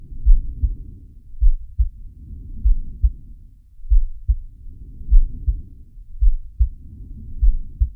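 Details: Animated cartoon shark character's heartbeat and breathing sound effect, not a real recording: low paired heart thumps at roughly 100 a minute over a soft rushing, rising-and-falling breath sound.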